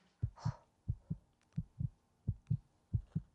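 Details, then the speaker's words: Normal heartbeat heard through a homemade paper-cup-and-string listener in a children's science demonstration: regular paired low thumps, about 90 beats a minute. "우와 우와 들린다 들려 나도야 내 심장 소리 들려 두근두근 두근두근 잘들려"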